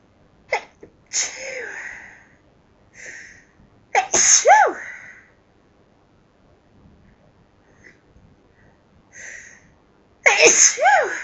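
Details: Person's repeated sneezing: a run of about six high-pitched sneezes in quick bursts with sharp breaths between, part of a long bout where they say they can't stop sneezing.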